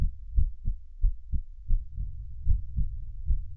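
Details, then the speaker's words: Normal heart sounds reconstructed by a model from a raw earbud signal to resemble a digital stethoscope: regular paired low thumps, about 85 a minute. "so hopefully that sounds more like the digital stethoscope than it does from the raw earbud"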